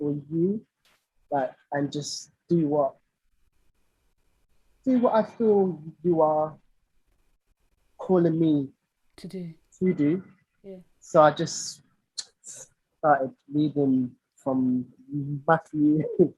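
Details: Lifelong stuttering (stammering) in an adult male singer; real conversational speech with audible repetitions.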